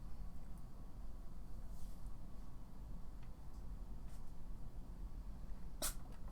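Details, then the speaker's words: A single short, sharp sneeze from a female pet, likely a cat, over a steady low room hum; sneeze. "oh good sneeze very good sneeze"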